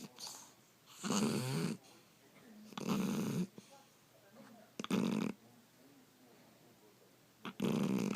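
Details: 13-year-old female cat, wearing clothes and sleeping in a cat sleeping bag: loud, deep, rattling snores in long bursts with quiet gaps between; heavy snoring.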